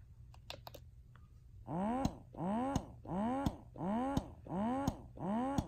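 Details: Rhythmic rising whirring suction cycles, about 85 a minute, each ending in a sharp click: an electric breast pump running uncovered without tubing, in a loudness comparison of Freemie Liberty, Spectra S1, Motif Duo, Baby Buddha and Medela Pump in Style.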